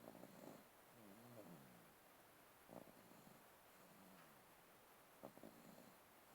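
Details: Sleeping baby snoring: soft, quiet snuffling snores with faint squeaky sounds on some breaths; light snoring.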